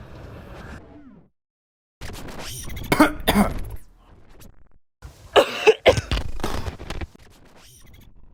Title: 2020 Cough